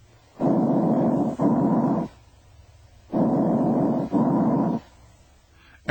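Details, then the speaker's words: Normal bronchovesicular breath sounds, heard in the first and second interspaces anteriorly and between the scapulae posteriorly: medium-pitched rushing, inspiration and expiration about equal in duration, a silent gap may or may not separate them. "and expiratory sounds are about equal in duration and a silent gap may or may not separate them. [Music] These sounds may be heard in the first and second interspaces anteriorly and between the scapula posteriorly."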